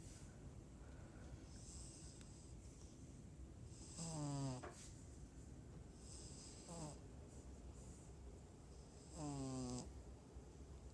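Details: Snoring in sleep: three loud, rough snoring breaths over about eleven seconds with a quiet room between them.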